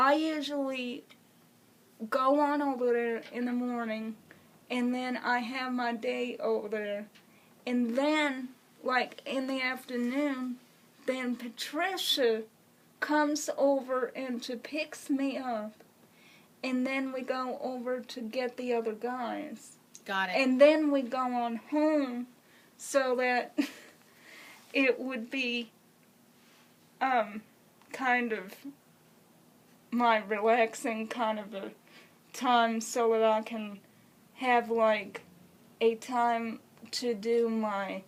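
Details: Woman with congenital cerebral palsy who has used a wheelchair since early childhood; dysarthria (cerebral palsy).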